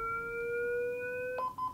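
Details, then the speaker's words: LifePak-20 defibrillator-monitor charging during a training demonstration with a simulated shock: steady rising electronic tone ends abruptly, then a short beeping prompt to push the shock button. "and you can hear it charges very quickly and it's asking me to push the button"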